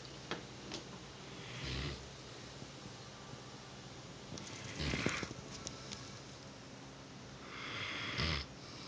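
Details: Rottweiler napping after play: three soft, snorting snores about four seconds apart, roughly 20 breaths a minute, over steady room noise.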